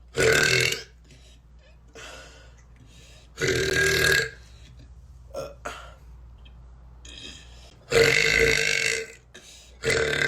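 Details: Adult woman (tattooed girl) doing massive deep belches: four long, loud voiced belches with quiet gaps and faint sounds between; repeated burping.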